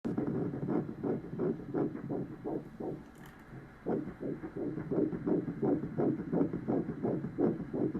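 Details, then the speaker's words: Rapid, regular whooshing fetal heartbeat on ultrasound Doppler at the first OB appointment, roughly 170 beats a minute with a brief pause midway; mother pregnant at 18 after a feared miscarriage. "And I had my first OB appointment that Friday. And I got to see my little munchkin. And I'm going to insert a video when I first heard his heartbeat."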